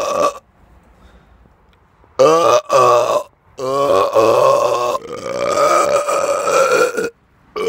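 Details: Person burping outdoors in the dark after eating too much fast food and drinking many carbonated drinks a few days earlier: several loud, drawn-out voiced belches in a row with short pauses; ordinary burping.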